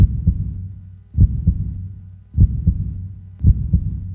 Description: Calm Heartbeat 1 Hour of steady hear beating.